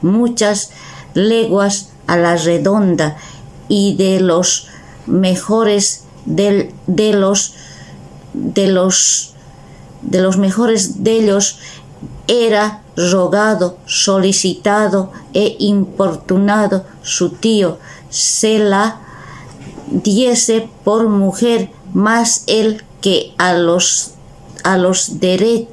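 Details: Person with aphasia reading Spanish text aloud in a prerecorded reading, with repeated word attempts; aphasia.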